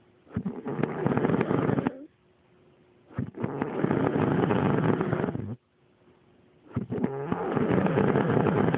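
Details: Snoring from an adult woman (mum) asleep at 7 o'clock in the evening.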